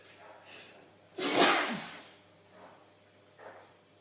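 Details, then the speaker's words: Adult male, eyes watering, sneezing repeatedly and unexpectedly: one loud, forceful sneeze, then soft breaths and sniffs in a quiet room; sneeze. "Oh, not finished. I'm going to sneeze. It's not out."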